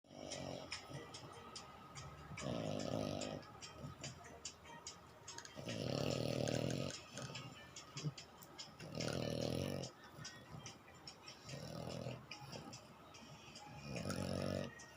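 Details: French Bulldog with loud rhythmic snoring, about five rattling noisy inhalations in 15 seconds, faint background noise; snoring.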